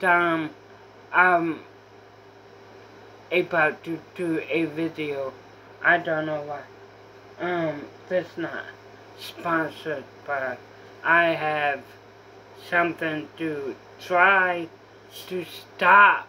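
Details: Apraxia of speech in a female speaker who says she has apraxia.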